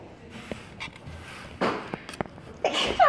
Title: (REUPLOADED) - SNEEZE Compilation